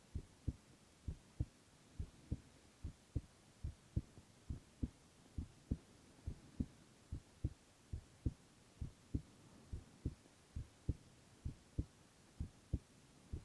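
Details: Male ASMR recording of heart sounds alone, without speech: soft steady paired heart sounds at about 90 beats a minute over a faint background hiss; normal heart sounds.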